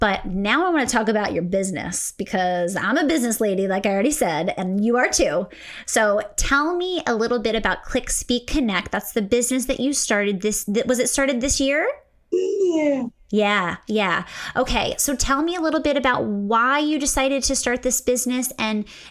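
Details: Adult woman speaking; normal speech.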